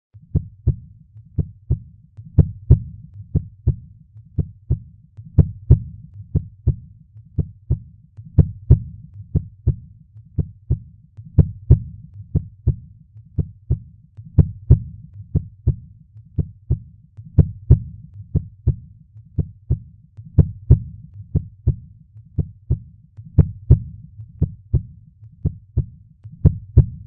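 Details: Steady, regular two-part heartbeat, about 58 beats a minute, with low thumping lub-dub heart sounds.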